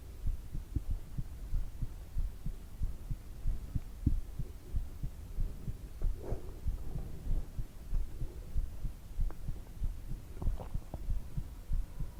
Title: Heartbeat sounds for relaxation